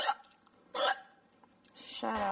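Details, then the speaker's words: Repeated ongoing hiccups, short abrupt voiced gulps less than a second apart; the person says their hiccups are loud with a head jolt, nothing stops them, and they prefer to let them pass naturally. "Hold your nose. Yeah, but then you get the feeling like you keep waiting for the next one to come. I'd rather let them go naturally."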